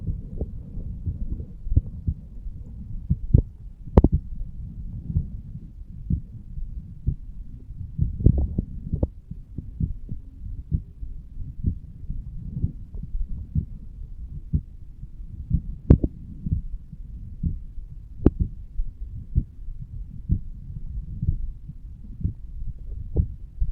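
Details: 35-year-old male, lying on his side, self-recorded heartbeat over the aortic valve area: steady low heart thumps with faint blood flow sounds and occasional contact clicks.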